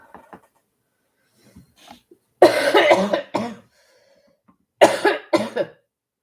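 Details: Adult who is still sick but improving coughs in two clusters, roughly four harsh, fairly loud bursts with soft breaths and throat sounds before them, in a quiet room; ongoing illness cough.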